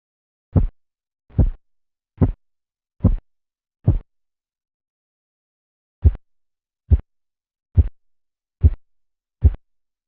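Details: Korotkoff sounds heard during blood pressure measurement in a teaching recording, passing through the tapping, swishing, knocking and muffling phases.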